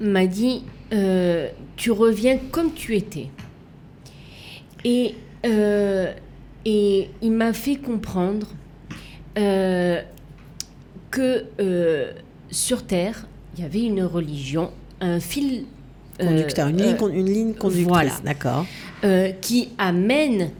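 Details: Woman left with lasting aphasia, a language disorder, and right-sided hemiplegia after an accident and coma; for years she could not place her tongue correctly and fought 7 years to relearn walking and speaking; residual speech difficulties; aphasia.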